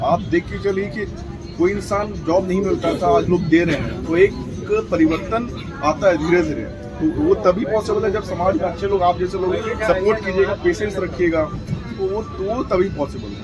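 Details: Stuttering (stammering) in an adult man who says he stammers and belongs to a stammering self-help association, speaking Hindi during speech practice on a train after a communication workshop.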